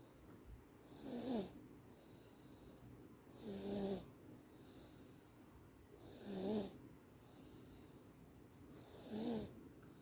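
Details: Sleeping baby snoring: soft, regular snoring sounds on each breath, about 22 a minute, in a quiet room.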